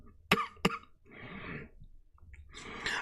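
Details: Adult coughing repeatedly during a live stream: two sharp coughs in quick succession, followed by rougher, noisy coughing and throat clearing.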